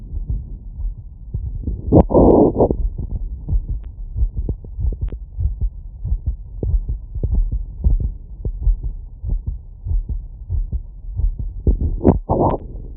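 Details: Heart heard through a stethoscope after physical workload: rapid, strong, regular heartbeats with a brief rushing noise twice; fast heartbeat after exertion.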